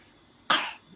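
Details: Child asked to act out a cough gives a single short, sharp, deliberate cough: voluntary cough.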